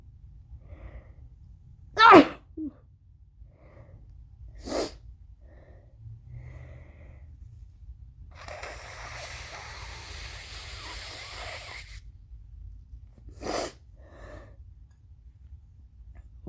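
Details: Woman with hair in a towel blowing her nose: two sharp explosive sneezes with a quieter one between, plus a few seconds of nose blowing in a quiet room. Sneezing.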